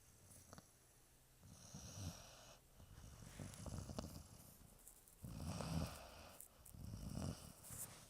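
Deep, rumbling, fluttering snores with some snorting on each breath in a quiet room: puppy snoring.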